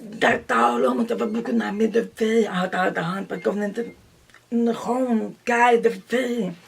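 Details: Deaf adult woman who says she does not hear and reads lips; deaf speech.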